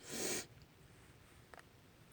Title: Snotty Sneezes and Sniffles (F)